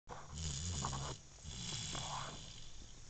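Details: Baby who fell asleep in the car makes soft, rough, rattly breathing noises with low rumbling on the breaths; snoring.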